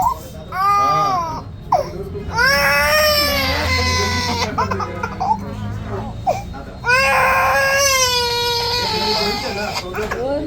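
Loud, high-pitched wailing cries from a baby, broken by gasping breaths, with adult voices nearby; a cry of pain during ear piercing.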